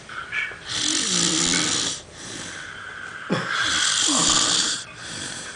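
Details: Person snoring heavily while asleep during carnival 2007: loud, harsh, rasping snores on each inward breath, about two every five seconds.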